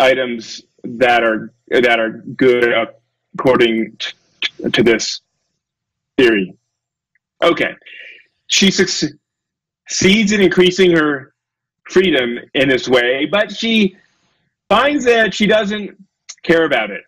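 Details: Adult male lecturer who says he has a speech impediment, stutters and gets stuck on his words, giving a talk; stuttering.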